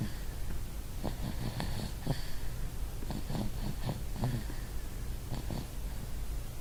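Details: Cal snoring in bed in the morning: soft, irregular rattling and snorting breath noises over steady room hum, light snoring; louder and more snore-like in person than recorded.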